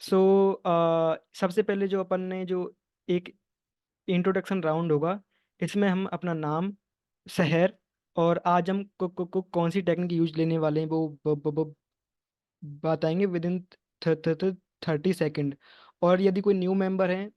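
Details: Man in an online stammering support group, Hindi, planning to use bouncing and prolongation techniques; word and part-word repetitions; stuttering.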